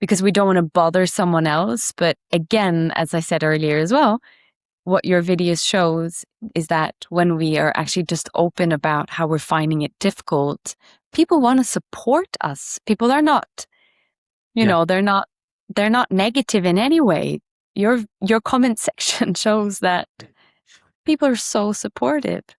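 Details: Adult speaker; typical speech.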